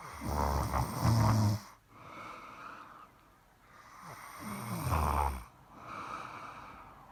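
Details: Deep, rumbling snores with a rattling quality on each breath in, about 13 a minute, quieter breathing out between: snoring.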